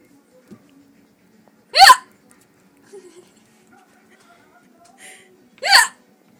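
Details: Two sharp, abrupt voiced hiccups about four seconds apart in a quiet room, from a person whose hiccups just won't go away.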